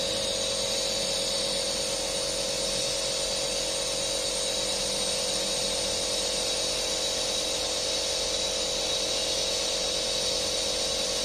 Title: nebulizer machine sound effects